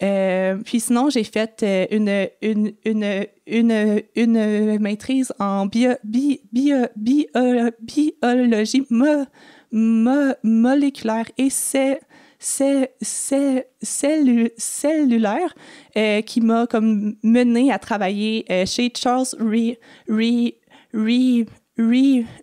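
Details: Adult woman who has stuttered since age 6, with about 4 or 5 speech therapies during primary school, secondary school and university; stuttering.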